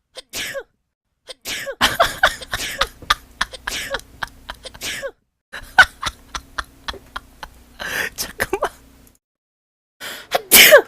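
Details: Sneeze compilation: short vocal bursts and throat-clearing sounds build to a sharp, forceful sneeze near the end, with a faint low room hum between.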